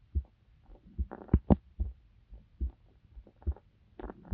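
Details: Heartbeat of a young adult female university student, recorded close up for a sleep-aid ASMR video: soft low paired thumps with some rubbing and handling noise; ordinary heart sounds.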